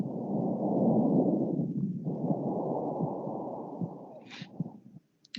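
Loud, rough, dry breathing noise through a stethoscope over two breath phases with a brief pause between them: harsh breath sounds, then a short voice at the end.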